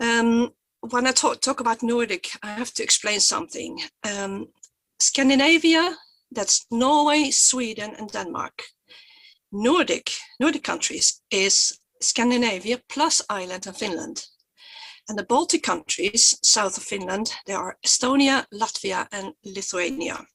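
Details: Stuttering in an adult woman who stutters, who says her stutter is quite obvious today.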